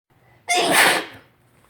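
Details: Single sharp, forceful sneeze after a brief quiet intake; spring allergy sneezing on a windy day after rain, which the person attributes to pollen.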